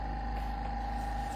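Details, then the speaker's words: Steady low mechanical hum with a faint constant whine: an EasyPulse 5L portable oxygen concentrator just switched on, delivering pulse-dose oxygen with each nasal inhalation. No distinct oxygen pulse is heard. "Now we turn the unit on, and we're ready to breathe. All you have to do is breathe through your nose. When you breathe through your nose, you will feel a bolus or a pulse of oxygen that is delivered every time you inhale."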